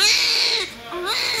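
A loud, high-pitched wailing cry with a brief dip and a fresh cry; a typical newborn's cry.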